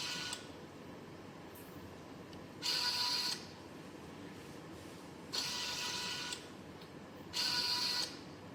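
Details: Repeating motor whir bursts about every 2.5 seconds over steady room hiss from a homemade student-built COVID-19 e-ventilator, controlled by Arduino Mega and ESP32, cycling.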